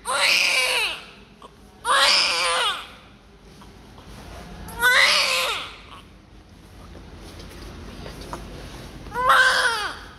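Four loud, strong cries about a second long with pauses between, room noise in background: a vigorous newborn cry.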